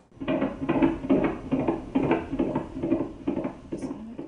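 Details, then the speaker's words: Fetal heartbeat of an unborn baby whose mother has pregnancy-induced hypertension, high blood pressure developing after the 20th week of pregnancy: rapid, regular whooshing pulses at about 140 beats a minute. "that's the sound of an unborn baby's heartbeat the fetus of a mother with a condition called pregnancy induced hypertension"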